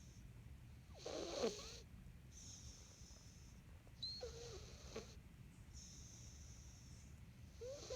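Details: Snoring in a sleeping cat: soft snorting snores roughly every three seconds, each with a faint whistling edge, over steady room hiss.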